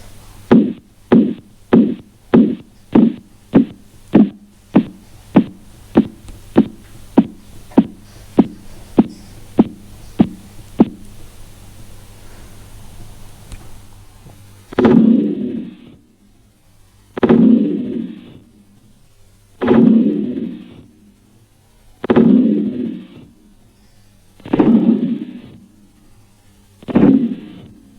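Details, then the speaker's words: Simulated Korotkoff sounds from a blood pressure training arm during cuff deflation: regular sharp taps about 100 a minute, then slower, broader thumps; phase 1 marks systolic pressure, phases 2–4 fade, phase 5 silence marks diastolic. "fase 1 el primer ruido al desinflar el manguito de la tensión nos indica la presión arterial sistólica la fase 2 el ruido pierde intensidad escuchándose un soplo fase 3 se escucha un ruido suave fase 4 el ru"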